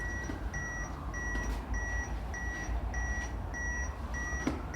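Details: Steady, evenly spaced electronic beeps, about two per second, over low room rumble: an AED training unit with adult, child and infant modes, used in first-aid defibrillator training.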